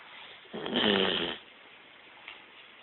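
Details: A sleeping female Bloodhound snoring: a single rough, fluttering snore lasting under a second, then quiet room noise.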